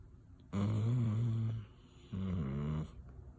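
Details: Sleeping dog snoring.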